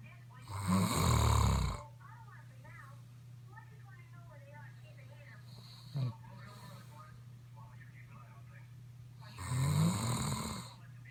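Two loud, rattling inspiratory snores about eight seconds apart, with quiet breathing and a steady low hum in the room between them.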